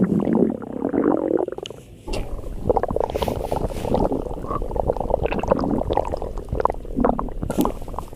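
Long, continuous gurgling and rumbling with bubbling, shifting pitch: loud stomach growling from hunger, a normal gut sound.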